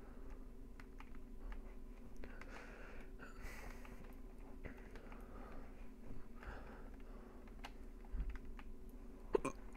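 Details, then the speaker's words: Faint, brief throat catches over steady room hum and keyboard clicks, with a sharper one near the end, from a gamer playing online; hiccups. "here we go there with the hiccups oh man I'm sorry footlose if you can hear it"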